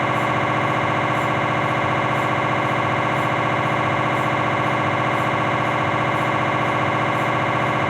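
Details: Philips 1.5T MRI scanner noise during cervical spine examination, T1-weighted sequence: loud, steady, rapid mechanical buzzing with a regular pulsing beat.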